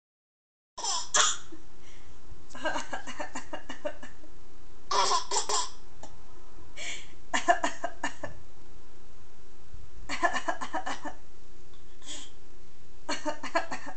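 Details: Repeated short, dry coughs from a mother alternating with her infant daughter's bright giggles and laughter.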